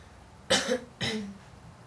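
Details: Young woman smoking a menthol cigarette, two short harsh coughs in quick succession, the second rougher and trailing off, between deep drags, hard breathing and swallowing.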